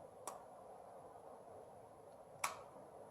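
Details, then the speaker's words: Two sharp clicks about two seconds apart in a quiet room, a spring-loaded inserter firing to place the infusion cannula for a patient's own subcutaneous cortisol (Solu-Cortef) pump during a set change; infusion set inserter click. "just hold it and press those two little white buttons together and it will insert my cannula"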